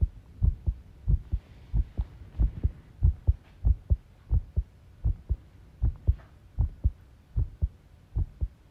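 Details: Self-recorded heart sounds with arrhythmia, taken while tidying a room: dull heartbeats about 90 a minute with uneven spacing, an irregular rhythm, with faint rattling background noise.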